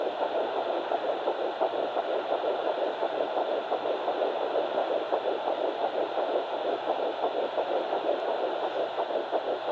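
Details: Fast pulsing whoosh at about 170 a minute over steady hiss: fetal heartbeat of twin Baby A at 9 weeks 6 days on a home fetal Doppler, found on the mother's left side after days of searching.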